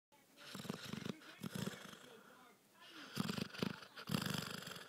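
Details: Basset hound snoring fairly loudly while asleep: rough, fluttering breathing noises in bursts; snoring.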